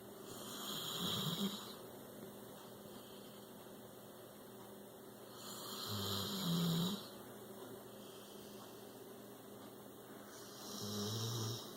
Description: This is out 6 year old rescued pit bull snoring away. He has such human characteristics! He loves his mid-afternoon naps and we caught him snoring when he was out cold.